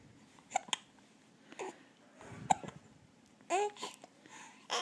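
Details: Two-month-old infant with hiccups: repeated sharp little catches mixed with soft babbling and cooing; hiccups.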